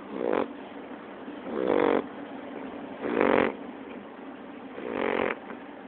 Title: Bailey snoring